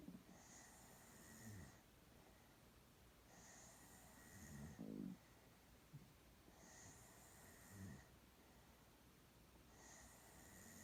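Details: Girl sound asleep with rhythmic rattling snores on each in-breath, roughly 17 breaths a minute, with steady background hiss.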